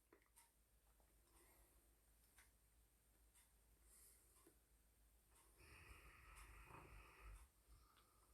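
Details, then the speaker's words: A sleeping dog snoring in the background of a quiet room: faint clicks, then a rough, slightly whistling snore near the end. "so it's not demonic it's my dog snoring in the background"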